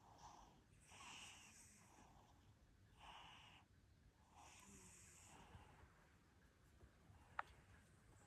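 Soft, airy, rhythmic breathing noises with a faint rattle, about four breaths in eight seconds, then a sharp click: a cat snoring.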